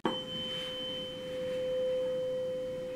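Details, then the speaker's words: Tuning fork struck on the elbow or knee for bedside Rinne's (air vs. mastoid bone conduction) and Weber's hearing tests: a steady, pure ringing tone that slowly fades. "to initiate the ring of the tuning fork strike it carefully on your elbow or knee"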